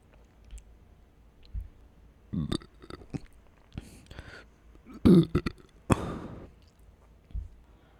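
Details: Deep, satisfying burps: several short, low, throaty bursts of air with mouth noises, the longest around the middle; belching.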